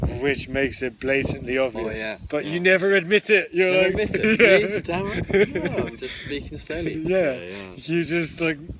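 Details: Adult who stammers, one of the hosts of a stammering podcast, openly disclosing the stammer. Stuttering.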